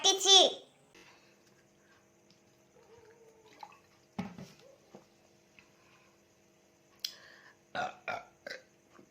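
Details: Burping challenge after drinking Coca-Cola, real burps: a loud, drawn-out burp, then quiet room sounds and a few shorter bursts of voice or burps.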